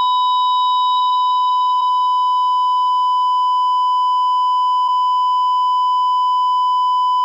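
A single unbroken high electronic tone from a monitor: the flatline alarm that signals no detected heartbeat.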